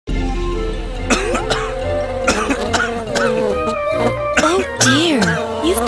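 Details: Cough.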